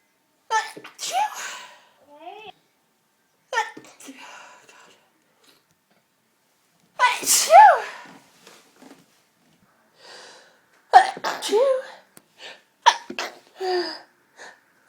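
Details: Sneezing recorded after smashing a pepper pot and clearing up the mess: several explosive sneezes, each led by a sharp in-breath, in bouts with pauses, set off by inhaled pepper.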